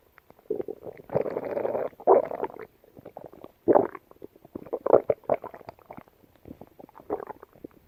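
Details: Yellow Labrador dog gut sounds: irregular gurgling and rumbling bursts; bowel sounds (borborygmi).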